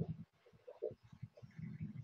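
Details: Low-pitched, coarse rattling and snoring sounds in short bursts merging into a continuous rumble with a brief musical tone: rhonchi, as air moves through tracheobronchial passages, often heard in pneumonia, chronic bronchitis or cystic fibrosis, and may clear after coughing.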